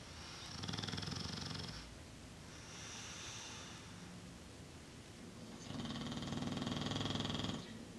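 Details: Sleeping animal snoring: loud, coarse, rattling snores with long noisy breaths in and out, a few seconds each.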